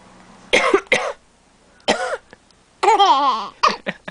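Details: Adult, described by the parent as mom, coughing while sick: three short, harsh cough bursts, followed by a child's wavering laugh.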